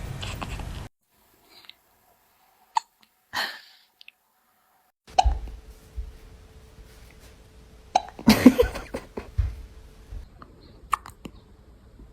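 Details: Newborn baby girl: brief, sharp hiccup-like catches, several in a row, with soft room noise between; newborn hiccups.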